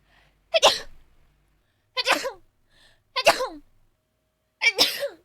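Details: A VTuber streamer's failed sneeze attempt followed by an actual sneeze during a stream.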